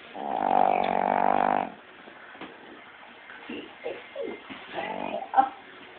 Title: Snoring